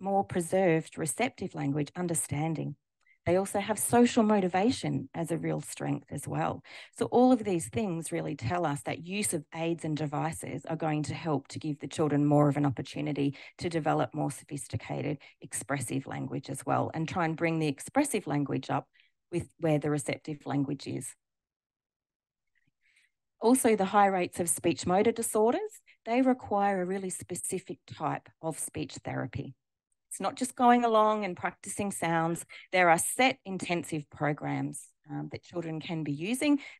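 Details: Adult woman speaking; normal speech.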